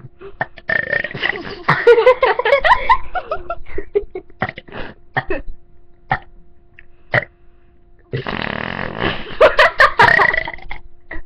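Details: Child: several loud, rough, drawn-out burps with short bursts and gaps between, after which he reports bringing a little vomit into his mouth: burping.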